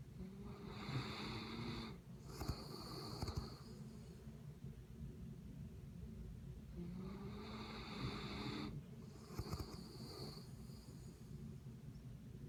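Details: Sleeping mastiff: two slow, rough, rattling breaths with low snorting noise, repeating about every seven seconds over steady room hum; snoring.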